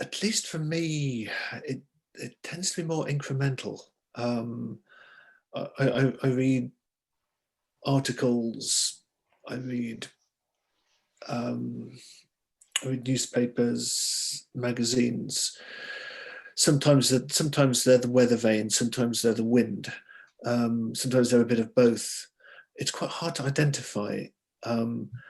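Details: Speech of an adult male novelist who stammers; stuttering.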